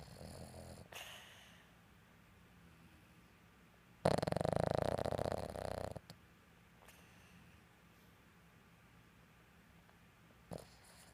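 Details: A female Boston Terrier snoring while asleep at night: one loud, rough snore lasting about two seconds, with faint quieter breaths around it in a quiet room.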